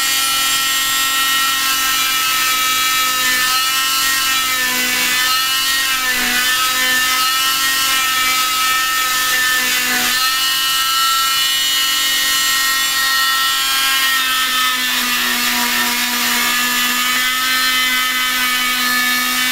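Loud high whining buzz of an oscillating cast saw, pitch dipping as the blade bites into the cast during removal.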